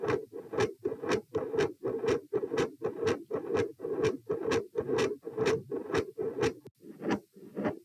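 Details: Heart sounds from one standing subject at position P: harsh, rushing whoosh filling each beat at about 120 a minute, drowning the normal heart sounds; loud murmur, within a series ranging from no murmur to continuous murmur.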